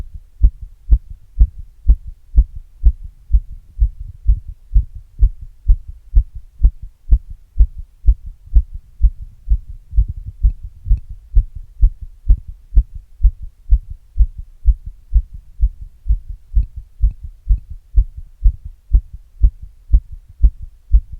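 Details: Own heart after exercise, recorded with an earbud microphone and a glass: fast, regular normal heartbeat about 125 per minute.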